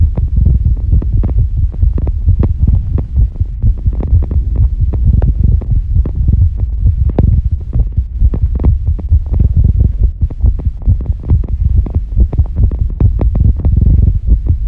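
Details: Female heartbeat recorded after squats, during recovery: deep, fast, steady thumping under a low hum; normal rapid heartbeat after exertion.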